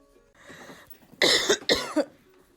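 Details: 29-year-old mother coughing behind her almost two-year-old daughter, who turns to glare each time: two quick, sharp coughs after a faint murmur of background sound; an ordinary dry cough.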